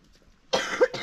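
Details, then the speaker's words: Adult woman (the speaker's wife) with a flu-like illness: a short cough of two quick bursts after a quiet lead-in. "naririnig nyo may inuubo. Hindi ako yun. Inuubo kasi si misis eh. Medyo nagkatrangkaso."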